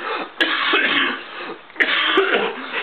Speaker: now some people call it the Dracula cough and I'm going to demonstrate it now okay wait a minute I've got to you put your arm you cough into your elbow you know Dracula does this and